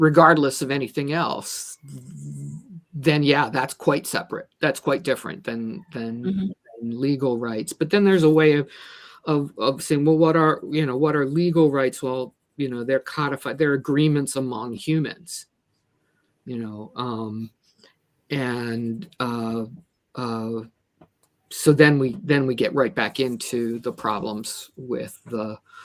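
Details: Adult speaker who says they stutter and are a person with a disability, with word repetitions; stuttering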